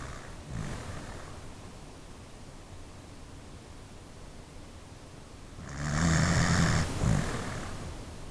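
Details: Pet dog snoring: rumbling, snorting snore on one breath, then a short snort, over steady background hiss.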